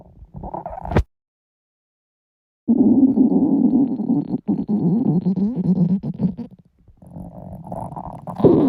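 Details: Girls' hunger stomach growling: long, loud, low gurgling rumbles with brief gaps, ordinary borborygmi from an empty stomach.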